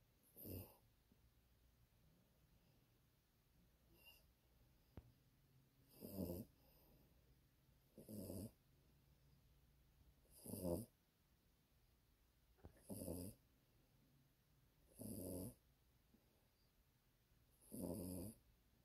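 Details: Sleeping Yorkie dog: soft, regular snuffling snores about every two to three seconds, roughly 25 breaths a minute. Snoring.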